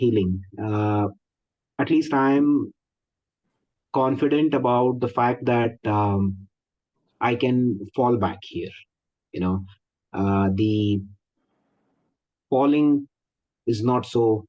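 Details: Likely stuttering (stammering) in an adult man speaking in a Zoom workshop; he is a 12-year member of a stammering association and seems to include himself among people who stammer.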